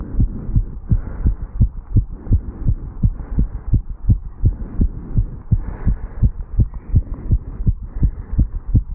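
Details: Strong, regular heartbeats around 110 a minute over soft rushing noise, recorded at the mitral area in a 35-year-old male standing still after jogging up stairs; fast heartbeat after exercise.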